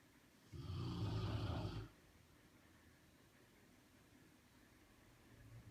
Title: Baby boy sleeping and snoring!